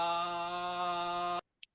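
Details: Pressed voice, in which the vocal folds close too strongly, giving a smaller-than-normal vibration waveform with a much longer closing phase.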